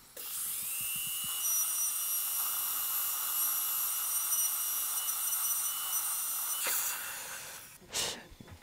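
Sustained high-pitched whine of a dental rotary handpiece for about six seconds while a temporary crown is adjusted, then a brief burst.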